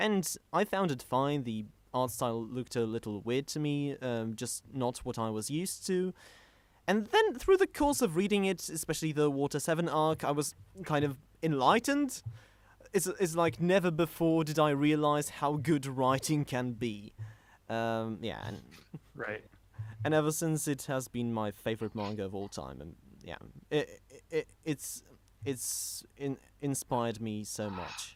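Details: Stuttering in a male podcast host who describes himself as a stammerer, speaking in a live-streamed English podcast.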